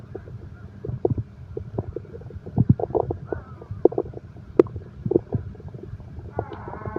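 Irregular gurgles, squeaks and rumbles of a growling stomach, with a soft background hum; ordinary bowel sounds.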